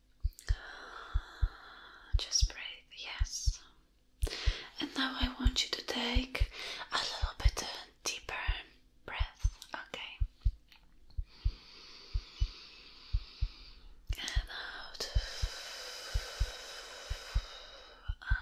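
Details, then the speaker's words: Acted ASMR doctor roleplay, simulated chest exam for chest pain: steady, strong, normal heartbeat, slightly fast as the patient is said to be nervous, under soft whispering; no murmurs heard. "i think you're getting a little bit nervous am i right your heart is beating a little bit faster"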